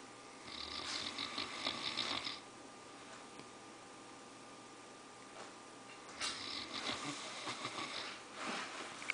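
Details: Newfoundland dog snoring while sleeping after a long hike: two raspy, fluttering breath sounds with a quiet pause between them, over a steady hum.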